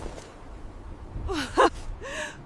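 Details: Animated cartoon caveman gives a sharp gasping intake of breath, then a short voiced sigh, after a mammoth's sneeze lands on him; simulated gasping.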